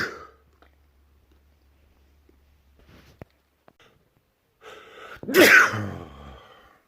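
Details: A quiet in-breath, then one loud explosive sneeze trailing off in a voiced burst; a single sneeze from a compilation of the same person's sneezes recorded over three months.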